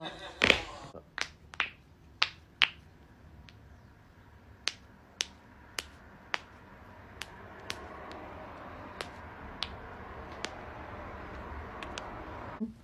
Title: cracking joints